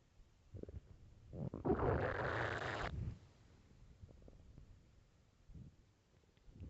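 One long, loud gurgling rumble lasting about a second and a half, with faint gurgles around it: normal hunger stomach growling.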